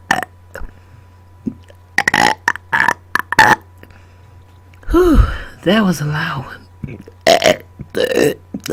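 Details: Adult woman burping on command after dinner directly into a microphone: a series of loud, deep voluntary burps over a steady background hum; repeated belching.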